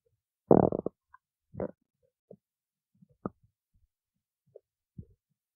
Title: stomach growling